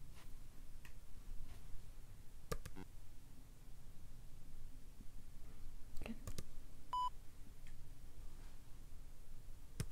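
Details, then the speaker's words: In a simulated, non-professional ASMR role-play hearing exam, short beeps at different pitches, including frequencies hard for some age groups, sound between soft clicks and taps in a quiet room. These are pure-tone hearing test tones; the test finds hearing seems intact for age. "i'm not going to go into frequencies that are very difficult to hear for certain age groups so some of them you might not get and that's okay"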